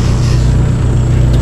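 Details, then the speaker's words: High-flow oxygen turned on to fill a non-rebreather mask's reservoir bag during a respiratory training demonstration: a loud, steady rushing hiss. "I'm going to go ahead and for demonstration purposes, I'll turn the air on, but I won't keep it on uh because it's kind of loud. So, I'm going to turn this on. You would want to go 10 to 15 L."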